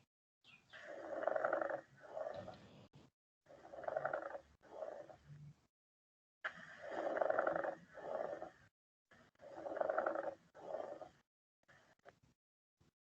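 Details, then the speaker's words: Pleural friction rub from pleural inflammation, like someone stepping on something: coarse, grating, creaking sounds in paired bursts with inspiration and expiration, about 10 breaths a minute. "ienen que ser un poquito lubricada ya pero en este caso hay un roce porque hay una inflamación puede haber una inflamación de las flores entonces a la inspiración va a sonar y como que como sido alguien pisara dicen que es como si alguien pisara él que no es difícil ocultar no siempre se puede escuchar un roce pleural"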